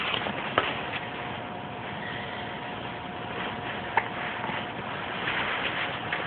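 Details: Laughing so hard he got hiccups while being tickled; hiccups persist afterward.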